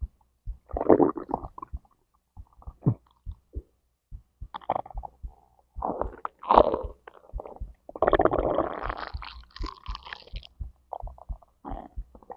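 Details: Digestion from stomach to intestines: irregular gurgles, squelches and rumbling bursts with short quiet gaps; normal bowel sounds (borborygmi), recorded alongside a heartbeat.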